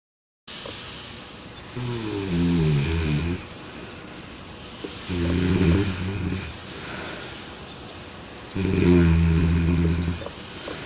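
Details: Three loud low rattling snores on the in-breath, about 18 a minute, over background hiss, recorded during a sleep experiment with a smart snore pillow; snoring.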